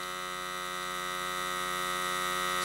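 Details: Faulty secondhand wrist blood pressure monitor, display partly working, under repair test: steady electric pump hum inflating the cuff, rising as it tightens, before the monitor fails with an error.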